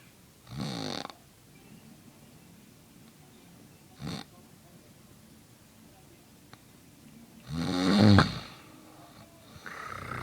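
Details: A father snoring during sleep: loud, rough snoring breaths with snorting bursts separated by quiet pauses.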